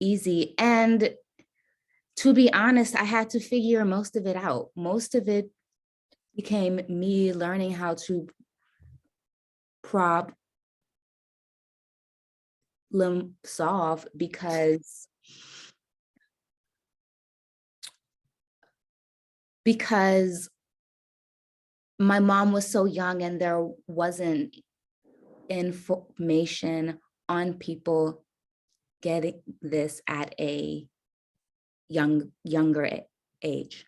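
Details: Stuttering in an adult woman caregiver who says she stutters.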